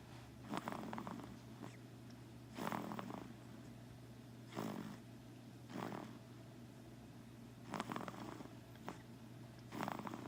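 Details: Sleeper snoring lightly: soft, raspy snorting snores about every two seconds over a steady low room hum.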